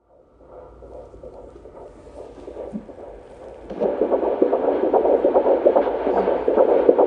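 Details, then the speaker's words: Fetal heartbeat recorded during pregnancy: rapid, regular whooshing pulses at about 146 beats a minute, a normal fetal rate. "if y'all stick around this whole time the bonus is you get to hear the baby's heartbeat"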